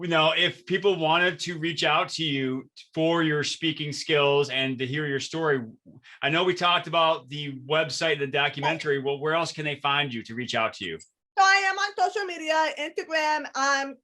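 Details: Adult speakers in conversation; normal speech.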